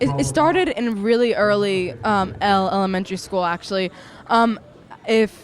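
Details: Young woman with stuttering since childhood, which she calls a really bad speech impediment, bullied since early elementary school; stuttering.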